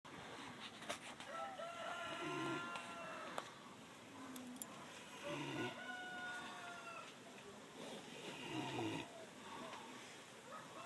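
Slow, rhythmic sleeping breaths about 19 a minute, each with a rough rattle and thin whistling squeaks: an animal snoring.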